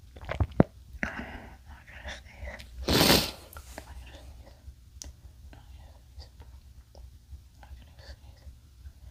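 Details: Male trying not to sneeze: rustling and soft breathy sounds, then one loud sneeze burst, followed by quieter handling noise.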